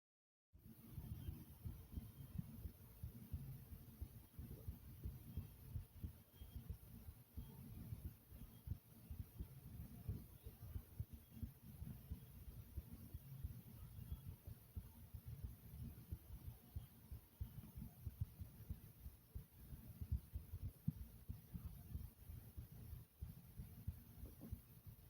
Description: This is the sound of my heartbeat from my chest.